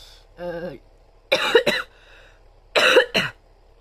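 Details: Woman vlogging on the day of a morning doctor's visit, says "excuse me" afterwards: a brief voiced throat sound, then two double coughs, each a sharp burst quickly followed by a second; dry cough with throat irritation.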